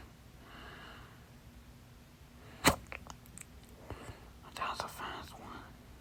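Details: Stubborn fast hiccups blamed on too much salsa, lasting 30 minutes late at night; holding the breath failed until the fourth try: one sharp, loud hiccup followed by softer catches and breathy sounds.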